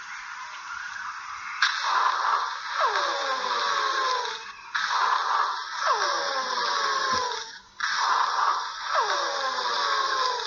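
Three breath cycles, about 19 a minute, each with a falling musical whistle over harsh airflow noise; wheezing, musical toward the end of each breath.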